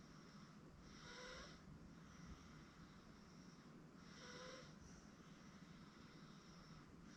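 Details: 8-month-old girl asleep on a futon: soft, quiet, regular breaths with a faint snoring rasp, about 19 a minute, over steady room hum; light infant snoring.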